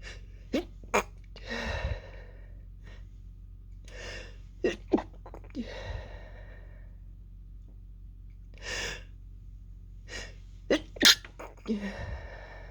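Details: A woman's sneezing fit: a run of short, muffled, held-in sneeze bursts with quick breaths between, ending in a louder, fuller, explosive sneeze; almost fully stifled apart from the end.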